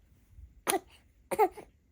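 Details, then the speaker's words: 4-month-old baby with a cold, coughing repeatedly: two short, sharp infant coughs in a quiet room; infant cough. "결국은 감기가 얼마 버렸어요 어떡해 우리 아기 코가 그런 거라면서 어떡해 자꾸 기침해서 어떡해"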